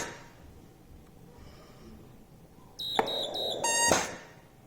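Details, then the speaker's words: Ventipac ventilator (for patients above 10 kg) in a teaching demonstration: quiet, then repeated high electronic beeps, a high-pressure alarm when the pressure limit is lowered from 40 to 30. "So this patient is alarming that we are reaching the high pressure. You see, when we are at 40, it doesn't beep. If I drop it to 30, it is alarming."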